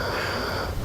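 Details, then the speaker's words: Adult man snoring for the first time in a home recording; a brief, steady rough rattle on the in-breath with a low fluttering buzz from the throat: snoring. "I don't know where this sound is coming from but this is me snoring for the first time oh my God is that coming from my nose"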